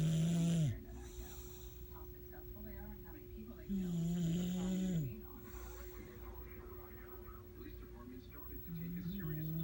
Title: Snoring Boy Dawgs